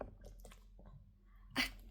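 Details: Shih Tzu dog gives one short, sharp sneeze on cue as a trick for a treat.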